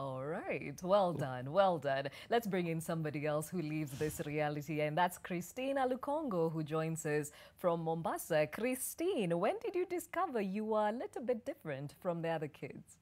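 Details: Adult woman speaking; fluent speech.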